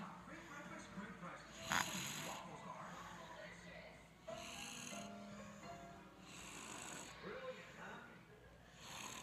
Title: Snoring baby